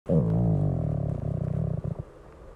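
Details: Stomach growling: a low, drawn-out rumble of about two seconds that slowly fades, a normal digestive sound (borborygmi).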